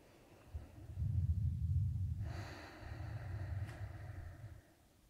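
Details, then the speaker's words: Stethoscope lung auscultation in a real-person role-play exam, patient breathing deeply on request after turning around: two slow, soft, low rushing breaths with no added noises; normal breath sounds, no added respiratory sounds. "Okay. There weren't any respiratory murmurs, so everything is okay here."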